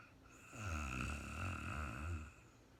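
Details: Real-time recording of a woman snoring during sleep, no talking, very tired and falling asleep: a single long, low, rattling snore on the in-breath over a faint steady background tone; snoring.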